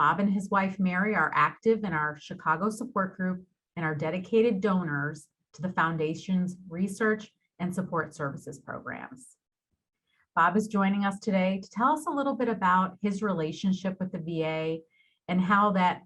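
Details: Adult woman speaking; normal speech.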